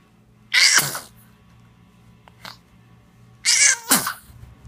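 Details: Slow-motion recording of two sharp, hissing sneezes from a small animal, with a faint snuffle between them against a low background hum.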